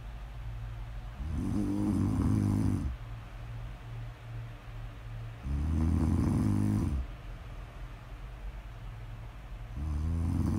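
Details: Snore audio ASMR of a sleeping woman: loud, rough snores on each inhalation, about 15 breaths a minute, with quieter breathing between them; ordinary snoring.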